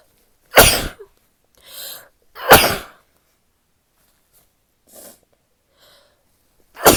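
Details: Female sneezing: three loud explosive sneezes with softer, muffled, stifled sneezes between them.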